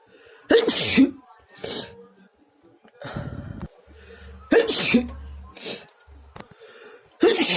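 Several forceful, explosive sneezes, each a sharp hissing burst, with quiet voices between them; repeated sneezing.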